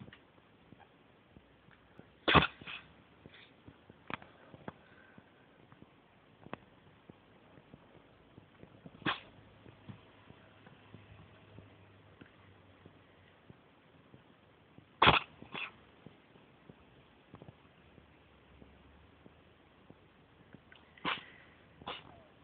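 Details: Cat in a roughly 10-minute paroxysmal sneezing attack, fighting each sneeze: repeated short sneezes in clusters, about eight bursts over twenty seconds, in a quiet room.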